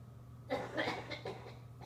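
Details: Quick run of three or four distant coughs from an adult homeless person over a steady low background hum. Plain coughing.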